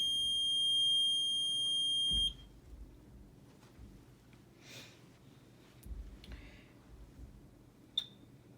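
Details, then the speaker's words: Respironics BiPAP Focus being set up in practice for a sleep apnea patient; on power-on, a loud, steady high-pitched beep for about two seconds, then quiet clicks: the machine's start-up tone before it is switched from ST to CPAP mode. "so when I get it ready we'll go ahead and push the power on and it's just gonna be fed us here for a second as its turning on"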